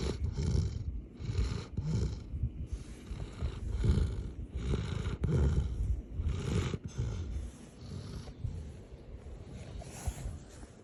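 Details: Heavy snoring: repeated low rumbling breaths in rough cycles.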